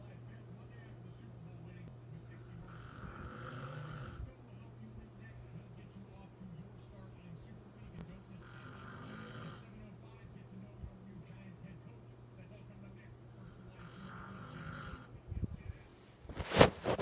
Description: Had to sleep on the floor next to my grandma. She’s a snorer and it gets loud.